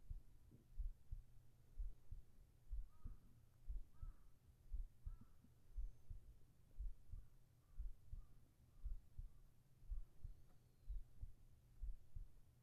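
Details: ASMR heartbeat recording for sleep: steady, soft heartbeat at about 60 beats a minute under a low hum, with faint whispering in the background; normal heartbeat.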